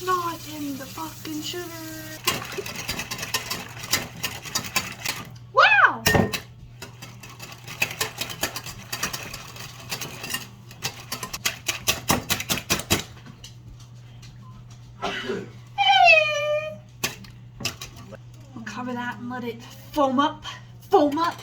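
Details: Woman with Tourette syndrome speaking while cooking; vocal tics heard as repeated phrases and out-of-context interjected words.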